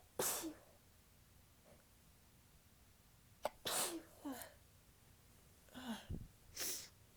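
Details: Adult who is stuffed up, sneezing during morning talking: three soft, tickly sneezes in a row, each with a quick breath in and a light burst out; an ordinary sneezing fit.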